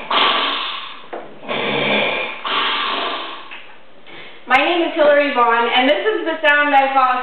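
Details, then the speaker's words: Several rough, rattling snore bursts in quick succession, followed by a woman starting to speak about snoring and sleep apnea. "to most nights because I'm married to somebody who snor now despite what some people may tell you snoring doesn't just affect the person that you're waking up at night it also affects you"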